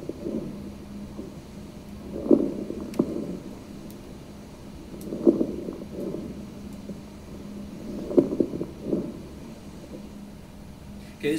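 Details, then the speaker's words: Patient with a very short inspiratory time: soft breath sounds about 20 a minute with brief bubbly crackles at the end of each inspiration, attributed to fluid in the alveoli: crackles (rales). "you hear that kind of bubbly sound at the end of inspiration that's the RS so it's going to sound like a bubbly sound or a crackling sound a lot of times we get that crackling sound that we call Ral"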